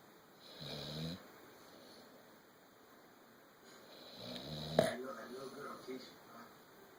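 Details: Sleeping pitbull snoring: two soft, rumbling snoring breaths with a faint snort over quiet room noise.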